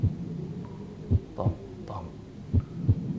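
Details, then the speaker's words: Simulated heart sounds heard by stethoscope on a virtual reality patient avatar: slow, regular beats at about 42 a minute; possible third-degree block or STEMI suggested, bradycardia. "is slow af my friend we need to get you treated"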